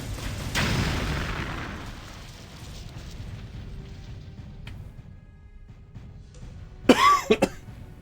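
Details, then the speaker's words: An adult streamer with a lingering illness and recovering voice, whose repeated coughing gives headaches, gives a short burst of two or three coughs over game sounds and music. "Um, trying not to cough because I'm at that point where I've done it so much that every time I do it, it gives me a headache."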